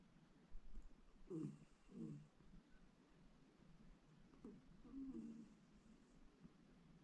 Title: Westie dog snoring || Work from home, they said. You'll be more productive, they said.